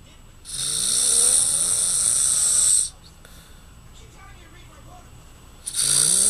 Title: dad snoring